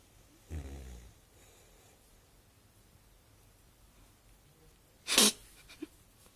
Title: Snoring puppy